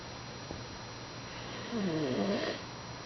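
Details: Sleeping puppy, later waking up, snoring: a single rough, rattling snore on one breath in over quiet room noise; ordinary snoring.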